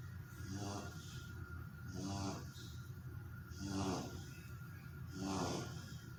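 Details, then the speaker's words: Sleeping dog snoring: four regular rumbling snores about 1.5 seconds apart with faint room noise. "dog snoring when sleeping."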